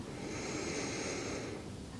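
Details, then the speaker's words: Simulated ASMR medical role-play lung exam: one slow, deep, airy breath in and out heard close up through a stethoscope on the back of a non-smoking woman, with steady noise; lungs called healthy, normal breathing. "now now take a deep breath for me and out good in and out all right go other side lung s healthy"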